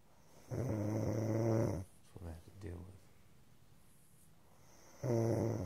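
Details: Loud buzzing snores with quiet gaps between breaths and a few soft snuffles; snoring.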